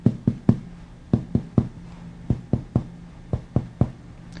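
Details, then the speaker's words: Chest percussion with patient supine, fourth intercostal space, tapping from anterior axillary line medially; resonant lung note turns dull at the left heart border, used to locate the heart when the PMI cannot be palpated. "with the patient Suppy in approximately the fourth inter space begin percussing from about the anterior axillary line and move medially till you hear of the lung change to dullness do you notice the change at that point"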